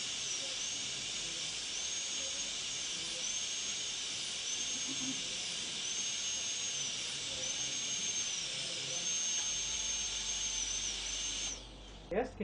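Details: High-pitched whine of a dental drill running in repeated short bursts with a steady hiss, then stopping: tooth preparation with a handpiece for a porcelain-fused-to-metal (PFM) crown.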